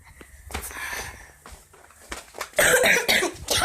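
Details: Several harsh, noisy coughing bursts in a quiet room after a short stretch of soft household sounds; the cough source is not stated (a black lab–collie mix dog is shown).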